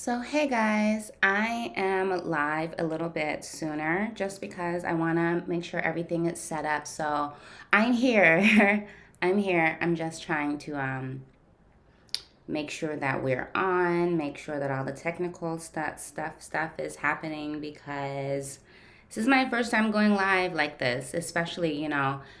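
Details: Adult woman who stutters, with usually silent blocks, speaking during a live session with her speech-language pathologist, whose therapy she says has gradually helped her speech; stuttering.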